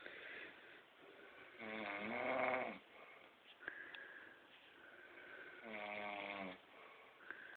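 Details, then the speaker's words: Father snoring: loud, buzzing, droning snores on each in-breath, about 16 breaths a minute, with quieter breathing between, recorded on an Android phone; ordinary snoring. "now I've got proof I'm not the one who snores in this family"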